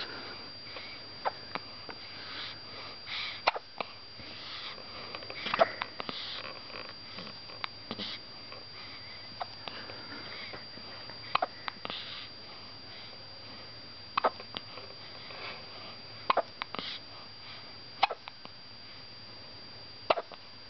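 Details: Infant hiccups: brief sharp catches repeating at irregular intervals, about a dozen in twenty seconds, over a quiet background.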